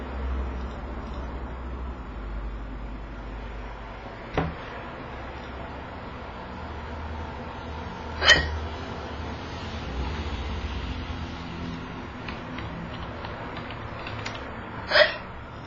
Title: Having sexy hiccups